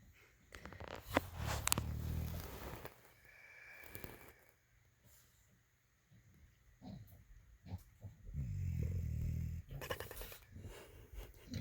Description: Moose has a way of snoring. It's hilarious!